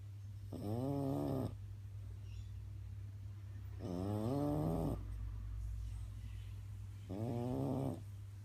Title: Cute and funny Horatio the french bulldog snoring